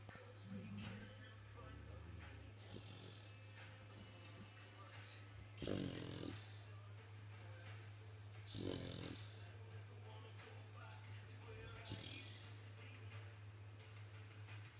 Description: Puppy snoring before getting woken by a whistle!